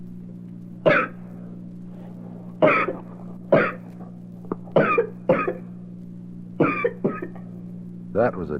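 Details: Young child's dry, unproductive cough from a 1967 baby-sounds recording: about eight short, dry, hacking coughs with no mucus rattle, ending in a brief voiced sound, over a steady background hum.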